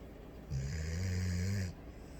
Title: Dilly snores